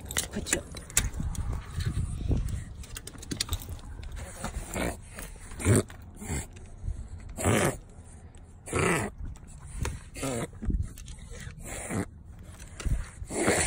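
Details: A dog makes repeated harsh, snorting inward breaths in bursts: a reverse sneeze episode.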